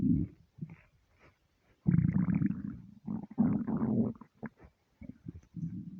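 Gurgling, growling rumbles in irregular bursts from an empty stomach; ordinary harmless bowel sounds.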